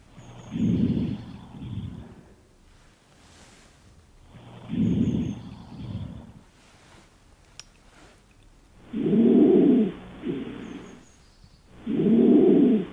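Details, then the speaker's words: Lung auscultation in an OSCE demonstration, stethoscope on the chest as the patient takes deep breaths in and out through the mouth; soft, clear rushing sounds on each breath; normal vesicular breath sounds. "are now going to listen to the chest if you could just take some deep breaths in and out through your mouth"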